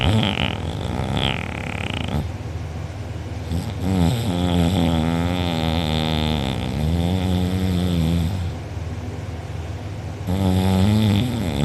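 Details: A person recorded asleep with mouth open and drooling, who later had a sore uvula and soft palate: very loud, rough, rattling, long droning snores in a steady rhythm with brief pauses between breaths. Heavy snoring.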